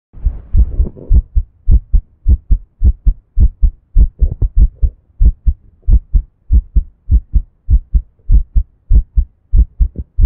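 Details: Own heartbeat, first-time recording: steady paired low thumps at roughly 100 beats a minute, with brief rustling at the start.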